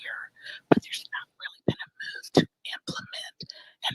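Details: Whispered speech (aphonia) from laryngitis in an adult woman; real, not acted.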